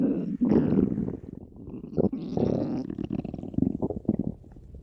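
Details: Low, gurgling rumbles rising and falling over several seconds with squeaky bubbling bursts; stomach growling (borborygmi).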